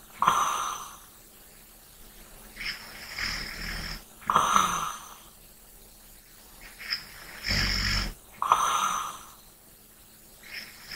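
Slow snoring in sleep, about three rasping snores with softer breaths between, roughly fourteen breathing sounds a minute.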